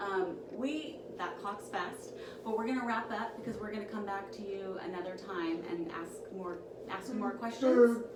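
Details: Adult woman speaking; Normal speech.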